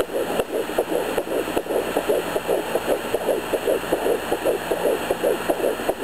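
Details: Home fetal Doppler at 11 weeks of pregnancy: fetal heartbeat. The mother hears two distinct heartbeats, about 162 and 150 bpm, one sounding farther and one closer, and wonders about twins; one sac was seen at 5 weeks 6 days.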